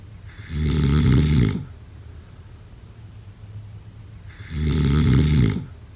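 Two loud, deep, rattling snores about four seconds apart, each lasting over a second, with quiet breathing between: typical sleep snoring.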